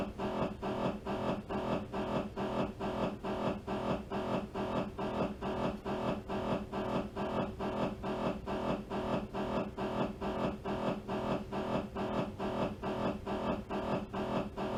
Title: MRI T2 AXL MRI Sound